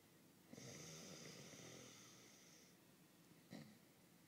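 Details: Adult man snoring during sleep: a single long, rough snoring breath with a whistling edge, then a brief snort near the end, quiet room.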